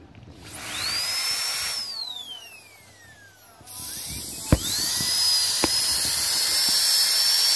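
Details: Disposable dental drilling handpiece running; high-pitched whine speeding up and slowing down, with clicks and steady hiss.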